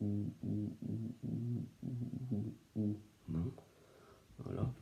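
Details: Man who stutters, with repetitions: stuttering (syllable repetition).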